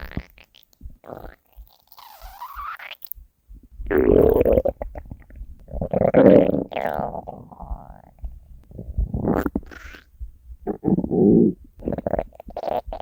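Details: Hunger stomach growling (borborygmi), compiled from three years of recordings of the uploader's own stomach: long groaning, rising gurgles and rumbles in several bursts with quiet stretches between, a normal finding.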